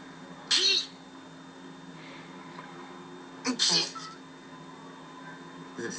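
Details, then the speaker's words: Person announcing an urgent need to sneeze: two sharp, explosive sneezes a few seconds apart in a quiet room. "if you sneeze it is very important that you clench at the same time and i'm gonna see i'm going to clench and sneeze"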